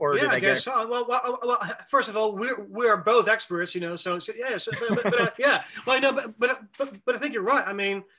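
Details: Adult man who says he has cluttering, speaking in conversation with fast speech, repetitions and fillers; cluttering.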